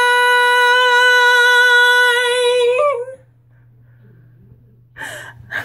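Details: A hiccup while singing: a drunk singer holding a long, sustained big note in the song "Burn" breaks off abruptly with a jolt, followed by silence and a breath.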